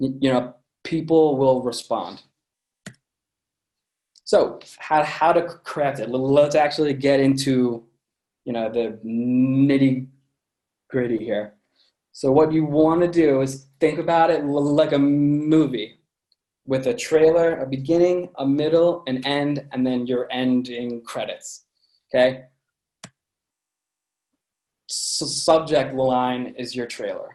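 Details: Adult man with a lifelong stutter present since birth, which he says listeners can hear; stuttering.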